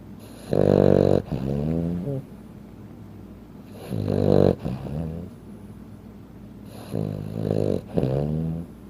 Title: Frenchton Sleeping Sounds - - MaeMae is only 15 pounds and snoring like an adult human, LOL